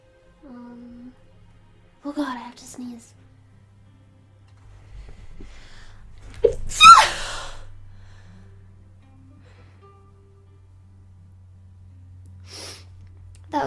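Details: Female streamer's allergy sneeze: a few short gasping inhalations build to one forceful sneeze, with faint background music and brief voice sounds; sneezing.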